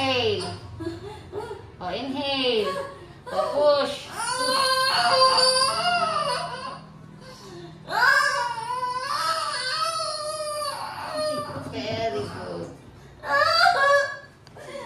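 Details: Loud, sustained, rhythmic wailing of a newborn in a small room at a lying-in clinic, recorded by a midwife; a strong newborn cry after delivery.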